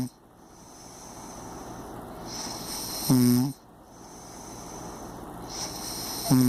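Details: Impressive heavy snoring: loud, rattling, deep-pitched snores about every three seconds on the in-breath, quieter breathing between, faint steady room hiss.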